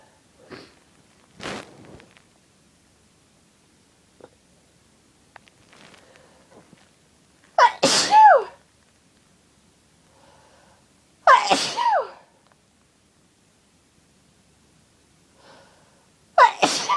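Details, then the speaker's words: Adult with a cold describing itchy, uncontrollable sneezes: three loud, forceful sneezes a few seconds apart, with quieter breaths between; a repeated sneezing fit. "It's cold sneezes and they are so itchy and so big that I can't stop Achoo! Coming out like that."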